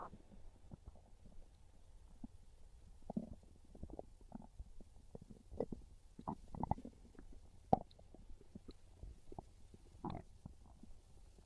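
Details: Soft, irregular low gurgles and rumbles from the belly; normal hunger stomach growling (borborygmi), described as craving pizza.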